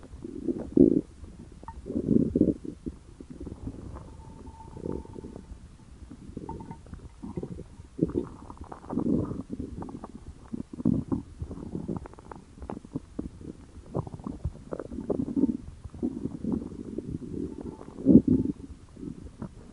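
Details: Hunger-related stomach growling: repeated low gurgling and rumbling bursts from the belly, a normal bowel sound.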